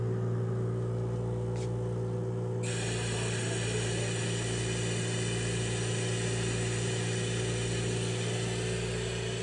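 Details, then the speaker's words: Adult ventilator at start-up running its short self-test (SST) with heated-wire adult circuit, checking flow, circuit pressure, leak, expiratory filter, resistance and compliance: continuous mechanical whine and hiss, shifting partway through. "so now we're going to test the equipment for proper function turn on the ventilator push the SST to test selecting heated wire adult patient except and these are the things that the VIN is testing"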